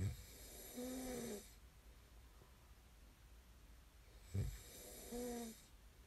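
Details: Snoring ASMR recording: a low snoring snort, a pause, then another snore; ordinary snoring during sleep.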